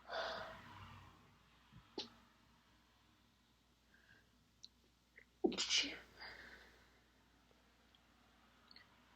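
Two short muffled sneezes held back with closed mouth, with soft breaths around them; suppressed sneezing.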